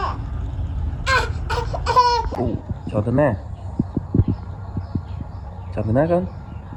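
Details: A young child crying while two children play at home in a rural house: brief whiny crying bursts mixed with playful vocal sounds and light household noise.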